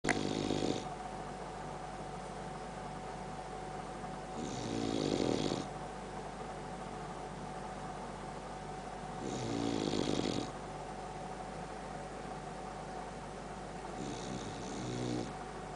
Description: Boxer dog Sam loves his sleep and often snores pretty loudly.